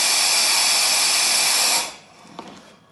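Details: Steady loud airflow hiss from a Philips V60 ventilator circuit (tubing, HME filter, CO2 monitor, bacterial/viral filter, inline suction) set up for an intubated patient, stopping abruptly when placed on standby and disconnected, then a faint click.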